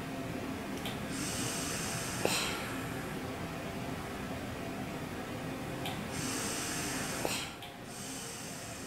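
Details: Two long hissing ventilator-delivered breaths with clicks during a morning respiratory routine in intensive care, in a man on long-term ventilation after spinal cord injury, via tracheostomy with speaking valve: lung volume recruitment breaths.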